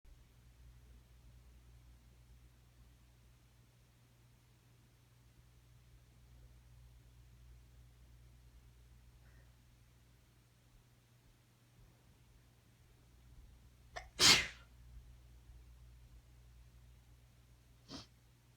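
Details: A single sharp, explosive sneeze breaks a quiet room, then a fainter short burst seconds later; a person with chronic allergies and a sinus infection sneezes once every couple of minutes, unstifled; a sneeze.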